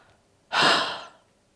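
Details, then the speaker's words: One gentle, open-mouthed breath out lasting under a second, demonstrated by a respiratory physiotherapist after a medium breath in, like fogging a mirror; long slow huff of airway clearance for chronic lung conditions. "start by taking a medium breath in blow the air out gently with an open mouth as if you were fogging up a mirror or sighing loudly"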